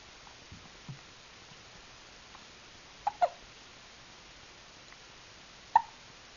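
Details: A few brief, sharp, irregular hiccups over soft room noise.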